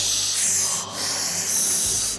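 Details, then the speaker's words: Human imitation of a CPAP machine's rhythmic breathy hiss, two airy cycles like mechanical breathing, describing a husband's CPAP prescribed for sleep apnea; CPAP machine noise (imitated). "그래서 그때부터 양압기 처방을 받아서 양압기를 썼는데"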